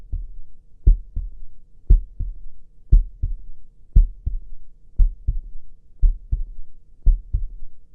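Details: Heartbeat sound used in a Cantonese ASMR sleep-hypnosis clinic roleplay, alongside writing sounds; a simulated, relaxation-oriented heartbeat rather than a clinical recording.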